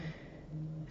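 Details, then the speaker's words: Snoring from three pugs (two black, one tan) and a two-year-old English Bulldog napping next to the desk in a studio. "pugs two black ones in a tan one and then a little English Bulldog who just turned two a couple weeks ago so when you hear snoring on my videos those are the culprits"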